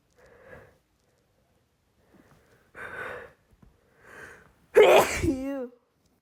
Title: Rapid uncontrollable sneezes (f)